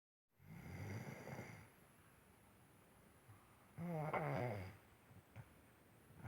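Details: Two soft snores several seconds apart, the second more vibrating and tonal, in a quiet room. Snoring.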